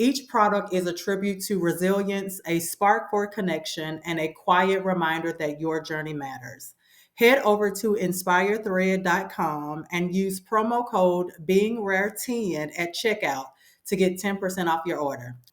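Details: Adult woman speaking; ordinary speech.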